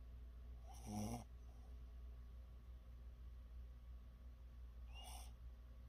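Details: Puppy snoring: two brief, soft snorting snores about four seconds apart over low room hum.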